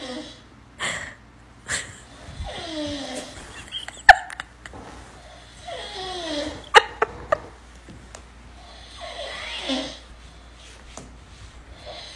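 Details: An adult man asleep, snoring loudly with an open mouth: rattling breaths every three to four seconds with clicks and smacks; his partner then tries to wake him to go to bed.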